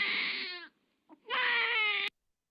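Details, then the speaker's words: An example stomach-ache cry from a baby-cry translator app demo: two loud, high-pitched, strained infant cry bursts with a brief gasp between, fitting abdominal pain such as colic or gas. "untuk tangisan bayinya ini contoh yang bayi lapar [Musik] itu kemudian bagi lelah atau mengantuk kemudian ingin sendawa ini yang sakit perut"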